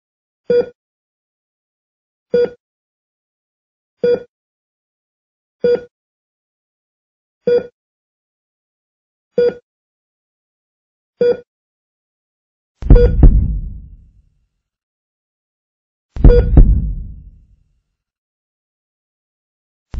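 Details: Heart monitor (ECG) beeps, slow and regular at about 33 a minute, then two deeper thuds and silence, depicting a heartbeat failing toward death: bradycardia.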